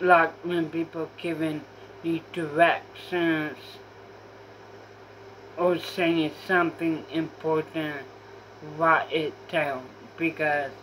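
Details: Female speaker with self-reported apraxia; apraxia of speech.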